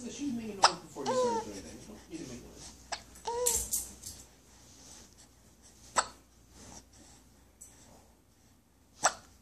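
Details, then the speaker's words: A young child who has had hiccups for a long time today, talking through them: babbling and laughter broken by several sharp, abrupt hiccups over about nine seconds. "It's hard to talk with the hiccups, huh? It's hard to talk with. Oh, really? You had those a long time today, huh?"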